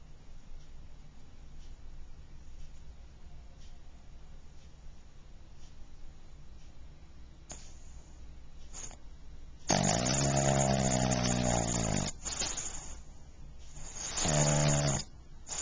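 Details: A pug snoring, recorded in 2009 on a Flip Video camcorder: quiet breathing, then loud rattling, buzzing snores with a raspy, flapping quality typical of a flat-faced dog's noisy airway.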